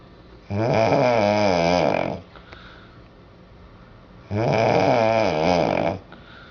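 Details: Woman sleeping in a hotel on her first night after bowling, who had warned she might snore: two loud, rough, rattling snores on breathing in, each about 1.5 seconds, with quiet pauses; very heavy snoring.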